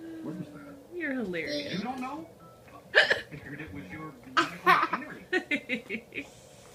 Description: Once again, fake hiccups are comedy gold to this kid.